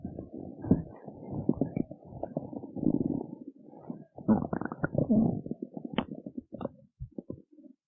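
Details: Stomach growling after skipping breakfast: long, bubbling, gurgling rumbles rising and falling in bursts over several seconds, borborygmi from an empty stomach.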